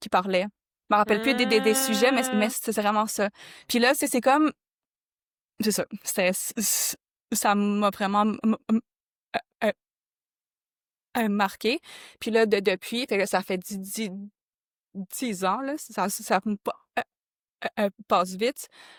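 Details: Adult woman who stutters, who discovered an association for adults who stutter in 2015; stuttering.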